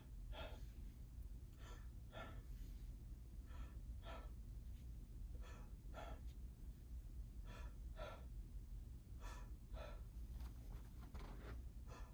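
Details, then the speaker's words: Nurse practitioner student's simulated physical exam of an adult male: repeated soft breathy bursts as he takes deep breaths in and out while his back is examined; normal exam with symmetrical chest rise and fall. "good exam is normal he has symmetrical rise and fall of his chest"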